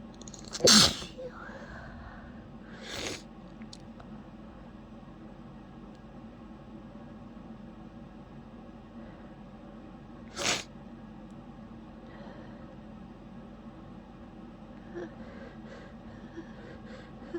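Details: Sneezing fit with lots of sniffling while trying to hold sneezes back: three sharp, explosive sneezes, the first loudest, separated by faint sniffles.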